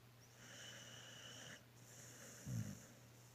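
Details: Dog snoring: low rumbling breathing noise with a soft snort.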